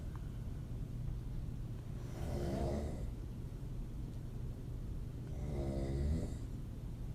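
Two soft, fluttering snores about three seconds apart over a low rumbling background; open-mouth snoring in sleep.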